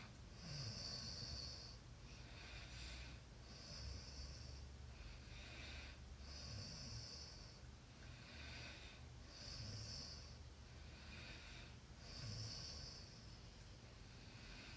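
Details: Soft, rhythmic rasping breaths with a low rumble, about 10 a minute, against steady room hiss; snoring during sleep.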